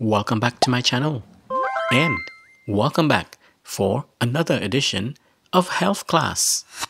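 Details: Adult male speaker; Normal speech.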